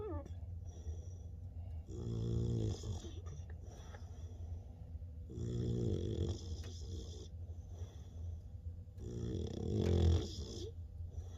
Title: Loud snoring AmStaff puppy